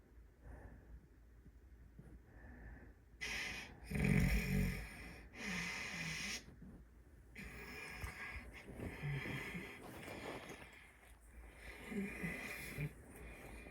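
Irregular rough snoring breaths with snorts and whistling, congested-sounding airflow during sleep; snoring with a blocked nose from a cold.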